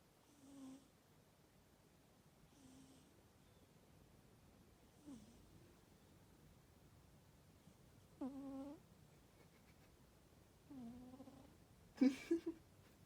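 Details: Boo, a small animal, snoring loudly while asleep on a thermal blanket: soft short nasal snorts and squeaky breaths at irregular intervals, ending in a brief sharper sound; snoring.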